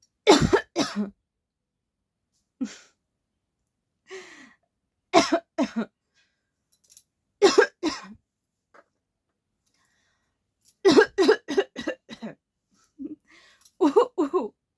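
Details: Acted (fake) coughing in a coughing challenge by a person who says their cold has not yet gone away.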